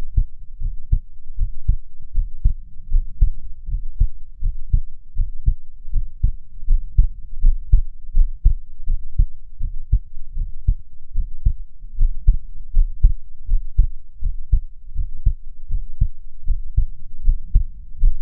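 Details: Steady, low heartbeat thumps at a stated 78 beats a minute, a real, nearly unedited heartbeat the person calls slightly fast, recorded while breathing slowly; normal heart sounds.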